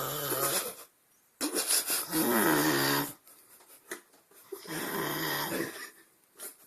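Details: Loud, rough, rattling snoring noises in repeated bursts with pauses between: ordinary snoring.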